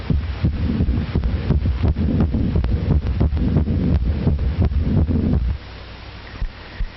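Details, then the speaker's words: Fast, regular low heart thumps with rushing noise, ending after about five seconds, from a 1937 educational film illustrating that the heart pumps much faster during and after exercise than its resting rate of about 70. "This beat of about 70 per minute is normal for the average adult at rest. During and for a time after exercise, however, the heart pumps much faster."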